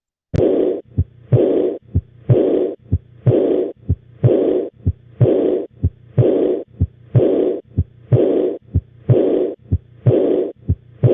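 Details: Lecture example of aortic regurgitation: a regular heartbeat near 62 a minute with a long, blowing early (proto)diastolic murmur right after the second heart sound in each cycle, from blood regurgitating from the aorta into the ventricle during diastole.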